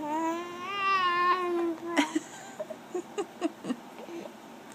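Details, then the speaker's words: An infant babbles, then gives a run of short, sharp hiccups, about six in two and a half seconds; infant hiccups. "you're sick of those hiccups. Are you sick of the hiccups?"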